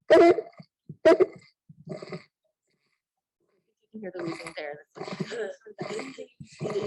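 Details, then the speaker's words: Patient having a lot of trouble breathing, played at a pediatric emergency medicine conference: rapid, harsh noisy breaths with a faint high-pitched tone, described as classic and possibly subtle; stridor from a narrowed upper airway. "he's obviously having a lot of trouble breathing do you guys hear that that's classic for strider"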